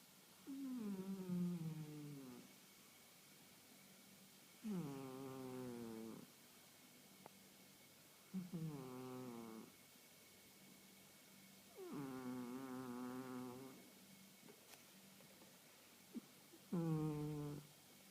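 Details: 1.5-year-old female house cat who has just started snoring daily: soft, whistling snores with each breath, about 15 a minute, separated by quiet pauses.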